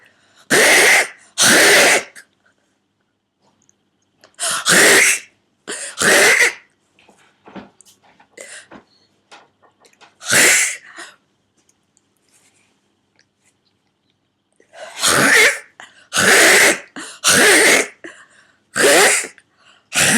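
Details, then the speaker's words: Repeated harsh, forceful involuntary throat-clearing bursts in clusters in an adult recovering from whooping cough at week 5, day 6; the adult attributes them to swollen, tight vocal cords. "I think it's also because the vocal cords are very swollen and tight and they they can make some very odd weird whistling or strange sounds"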